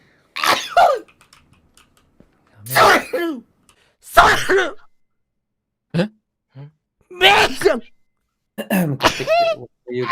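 Several short, sharp bursts with a preceding catch of breath, separated by silence, some ending in a voiced note: repeated sneezes.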